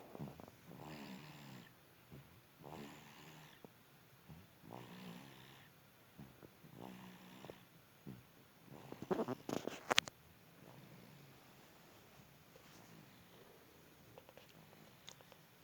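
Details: Baby snoring in a quiet room: soft, regular snoring breaths, about five over ten seconds, with light rattling on each breath.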